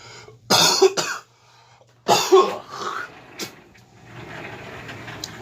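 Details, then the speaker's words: Two harsh coughing bouts from an adult man still recovering from the flu, with a low room hum behind; cough. "Told you I was sick at the beginning. That's why I haven't done videos. Because no one wants to hear that kind of stuff for coughing, and I don't want to bother editing."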